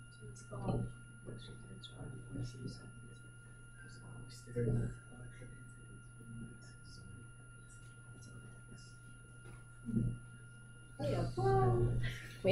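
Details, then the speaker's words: Imitated Cheyne-Stokes breathing: exaggerated gasping breaths in bursts separated by quiet pauses. "it might not be that dramatic that loud but that gasping you look it up on Google look it up cheyne-stokes breathing"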